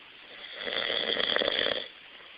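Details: Loud snoring: one rough, rattling, vibrating snore on a single inhalation, lasting about a second.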